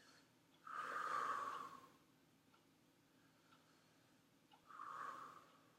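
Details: Normal vesicular breath sounds.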